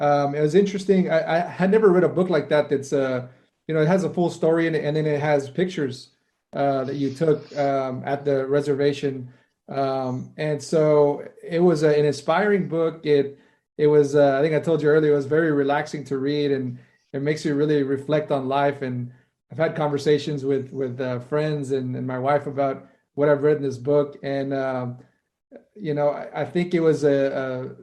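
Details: Adult male speaker; normal conversational speech.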